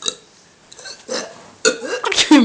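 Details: Person feeling like throwing up; several short, throaty burps in a row, some croaky: ordinary belching.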